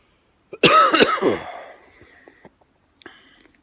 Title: Coughing 3